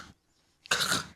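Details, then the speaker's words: Imitated loud, harsh snort with a brief throaty burst: the gasping arousal after an obstructive sleep apnea cycle, when breathing stops for more than 10 seconds. "And that could be normal unless there's already a sensation of airfow or sinasabi nating gasping for breath sa gabi especially we call it as loud snort after the obstructive cycle."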